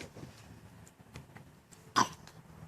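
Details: Young child with a recent cough, seemingly mild but deep-sounding, no treatment offered by hospital: one short, sharp, chesty cough in a quiet room.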